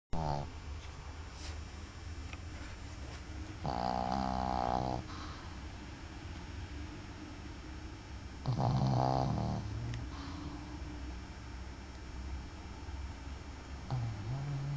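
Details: Dog snoring after a long day: two long, rough, rumbling breaths over a steady low hum, with quieter breathing between them; snoring.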